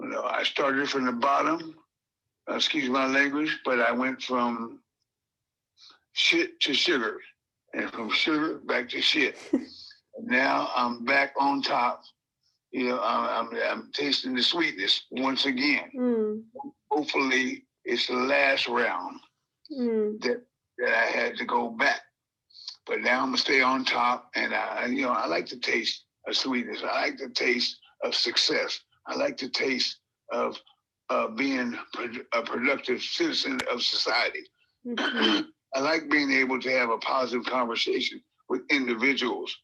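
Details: Man who reports having a speech impediment, with the cause he gives unclear, speaking live at an online event; speech impediment.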